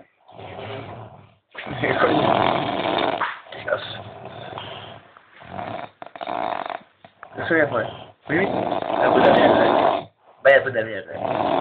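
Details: Loud, rough human snoring after heavy drinking, in repeated noisy bursts with short quiet gaps, recorded close up in a small room.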